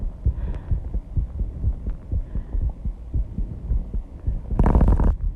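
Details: Own heartbeat after intense exercise, measured at 134 bpm and loud enough to hear without a microphone at first: fast, regular low thumps with a burst of noise near the end; heartbeat after exercise.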